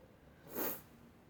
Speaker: It's tickling, it's really tickling. My eyes are watering, so if I'm black-eyed, excuse me.